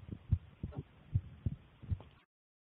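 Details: Phone-recorded own resting heartbeat: soft, regular low thumps in lub-dub pairs at roughly 75 beats a minute; normal resting heartbeat.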